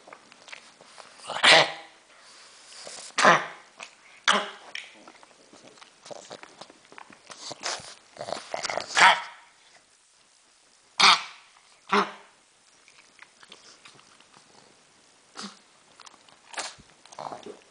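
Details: Cough in a small dog: a series of harsh, forceful hacking coughs with quiet gaps, sounding as if the dog is choking.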